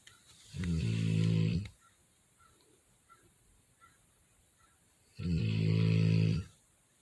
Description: Listen to my Rottweiler snore like a grown man.